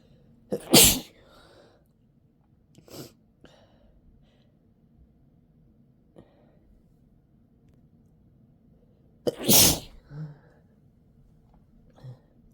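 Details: Two loud, explosive sneezes with short sniffs and breaths between, in a quiet room, from a person with a cold and an itchy, tickly nose who deliberately induced the sneezes to relieve the tickle.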